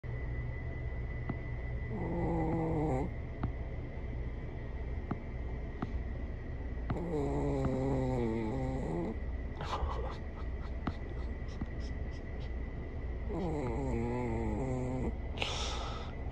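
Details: Mr. Bex, a King Charles Spaniel, snoring loudly while asleep: three long, buzzing, rattling breaths about every five to six seconds over a steady electrical hum.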